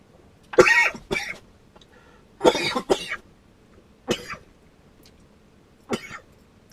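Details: Adult man, tanker truck driver, after water went down the wrong way: bursts of harsh coughing in pairs, about four episodes, a reflex cough clearing the airway after aspirating water.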